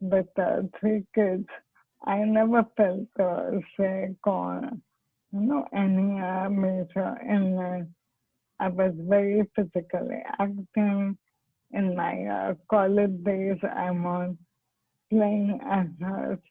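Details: Dysarthria in ALS (motor neurone disease) in a woman doctor with ALS; speech was much worse before and is now comprehensible after stem cell therapy, with the disease stable for about 10 years.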